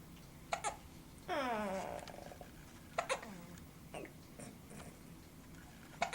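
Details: Female with hiccups: short, abrupt hiccup sounds at irregular intervals, with a brief fussy whimper early on, in a quiet room.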